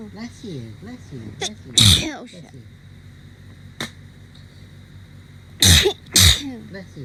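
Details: Hay fever sneezing during a week of bad allergies: three loud explosive sneezes, one early and two close together near the end, with quiet room noise and some talk; allergic rhinitis.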